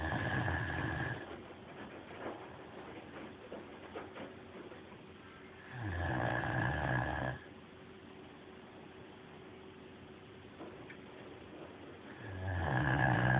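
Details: Great Dane dog: slow, loud, droning snores about 10 a minute, each over a second long, with steady room hum behind them. Snoring.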